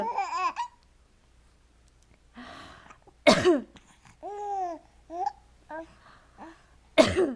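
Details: Infant before tummy time: vocal sounds and babbling, two sharp sudden baby sneezes, then soft coos and a little laughter.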